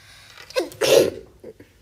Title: Itzy sneeze